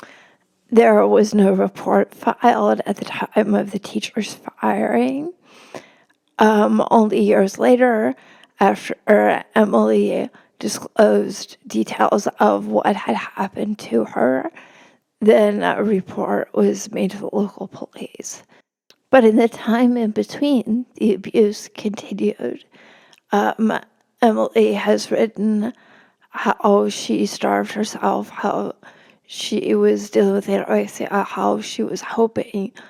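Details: Adult woman, a religion reporter, with spasmodic dysphonia; the host notes it can make her sound nervous, though she is not: spasmodic dysphonia.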